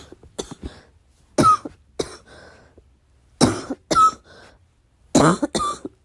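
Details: About six short, muffled cough bursts in small groups, deliberately held back late at night, with a faint squeak on some; suppressed coughing fit.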